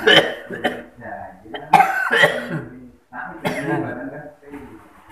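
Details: Several short, harsh cough bursts with brief vocal sounds between them in a quiet room, from an adult patient with cough and lower back pain receiving traditional massage.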